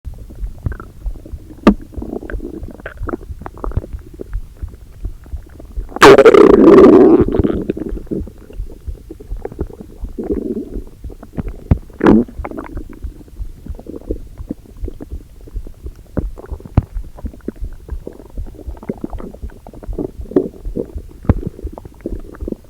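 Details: Own abdomen first thing in the morning, hungry before breakfast: gurgling, bubbling stomach rumbles with one loud, prolonged growl, hunger borborygmi.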